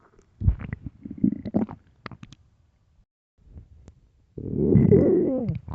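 Gurgling, bubbling rumbles and a long loud groaning growl from the belly; hunger stomach growling, a normal finding.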